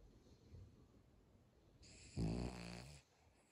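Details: Snoring: one loud, low, rattling snore on an in-breath after quiet breathing, during sleep.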